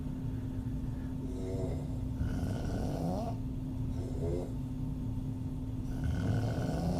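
Soft, fluttering open-mouth snores recurring every second or two over a steady low hum; ordinary snoring.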